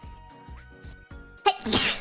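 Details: Single sneeze from a streamer during a live stream: soft vocal sounds, then one sharp, explosive burst of air through the nose and mouth, with light background music.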